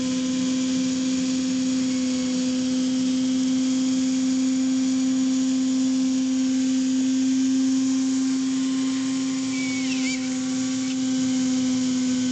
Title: Vintage EMESCO No. 90N Dentist Dental Drill / Tool - Medical Device